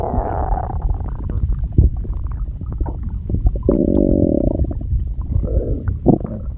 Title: [STOMACH NOISES] I can't get them under control